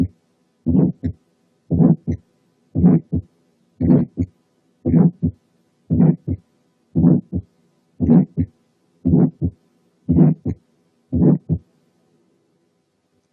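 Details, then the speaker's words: Ejection systolic murmur: regular heartbeat near 58 a minute with a diamond-shaped (crescendo-decrescendo) murmur separated from the first and second sounds. "المامر اللي بالشكل ده اسمهم ايجكشن، لانهم بيكونوا نتيجه الايجكشن اوف بلاد من اي فنتكل لاي جريت فيسل. نسمع كده ونركز على التايمينج والتشينج اوف انتنسيتي، يعني السيبريشن من الساوندز والدايموند شيب."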